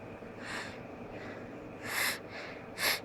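Short hissing bursts of air through the nose and mouth over steady background noise, stifled sneezes held back rather than fully released.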